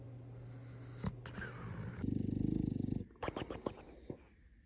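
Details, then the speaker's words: Sleeping dog snoring: a loud rattling snore with snorts and a throaty sputter. "Does anybody else dog sleep like this?"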